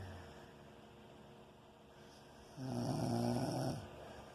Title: Can't sleep because of snoring